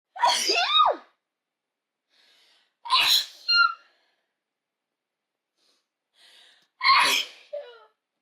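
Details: Sound of a human sneeze.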